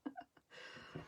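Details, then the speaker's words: Adult woman with hiccups: brief, abrupt voiced catches while she talks during card-making, over paper rustling. "got a little bit of the hiccups this morning and now you get to hear them i'm sorry"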